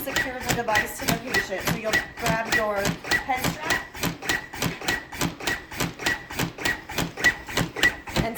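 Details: Steady mechanical thumps about 100 per minute with talking over them: a LUCAS external cardiac compressor in continuous-compression mode, plunger at the base of the sternum, in a training demonstration.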